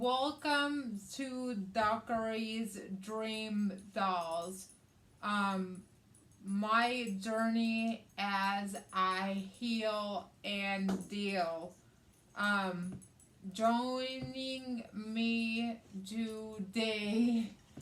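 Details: Adult woman with aphasia, also affecting reading and writing, after a hemorrhagic stroke on May 19th 2020 with right-sided hemiparesis, brain surgery and an ICU stay; aphasia.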